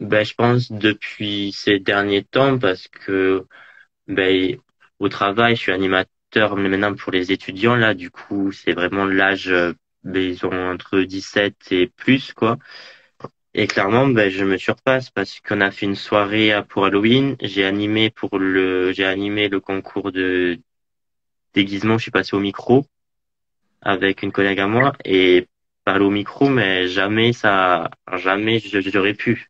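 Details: Young adult man speaking French; stuttering.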